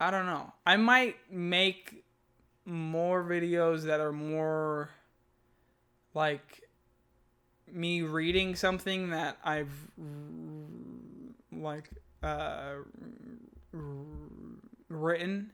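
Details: Adult man who stutters, speaking spontaneously after reading aloud; he says his unscripted speech is usually smoother than his reading; stuttering.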